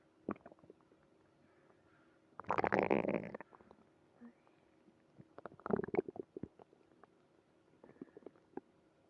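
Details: Early morning tummy trouble: two clear gurgling rumbles with faint bubbling between them in a quiet room; stomach growling, ordinary bowel sounds.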